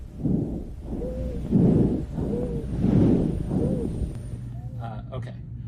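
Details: Wheezing lung sound, presented as an example during a nursing-student respiratory assessment demonstration with lung auscultation.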